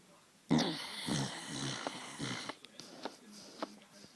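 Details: American bulldog sleeping with tongue out: a loud snorting snore followed by wet, irregular smacking and snuffling as she sucks on her tongue; snoring.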